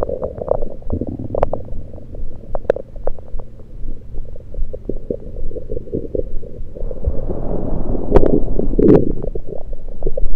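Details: Self-recorded over own stomach with a USB electronic stethoscope, taking only liquids, not digesting food: continuous low rumbling with frequent irregular pops and gurgles, louder toward the end; active bowel sounds (gurgles).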